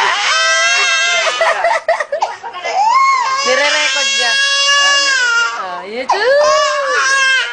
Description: crying baby teasing by his family hehehehehehe cute eh